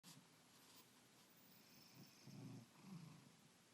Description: My cat Darwin snoring one Saturday morning